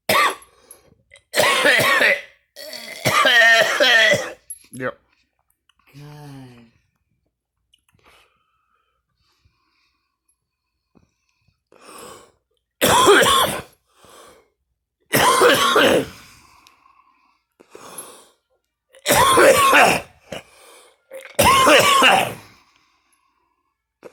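An adult gives harsh, forceful coughs mixed with voiced retching and gagging sounds, separated by pauses.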